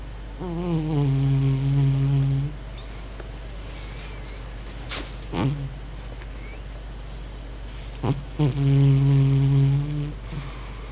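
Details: Sleeping pet cat, possibly dreaming: two loud, low, buzzing snores about seven seconds apart with soft snuffly breathing between; snoring.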